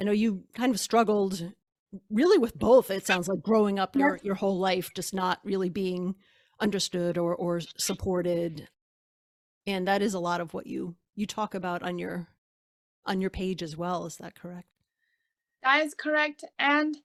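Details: Adult speaker (podcast host), with a brief reply from a second speaker; normal speech.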